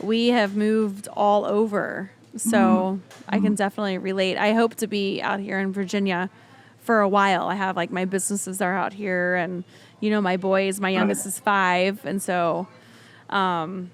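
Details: Adult woman speaking; ordinary speech.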